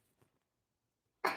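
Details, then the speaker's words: Sudden loud adult sneeze, cut off, after a faint breath and a second of quiet, during a live studio painting session; the person warned before sneezing. "Oh, I'm going to sneeze. You can mute."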